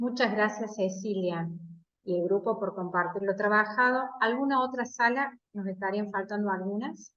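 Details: Adult woman speaking Spanish; Normal speech.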